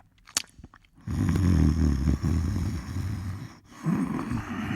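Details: Snoring sound effect: after a quiet moment with small clicks, a long, low, rattling breath snore, then a short pause before the next snore begins.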